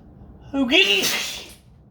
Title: Attempted announcement sneezes again (M)